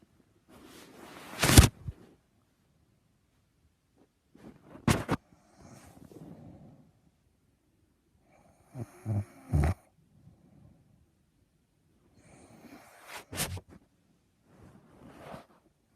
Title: My mom snoring really loud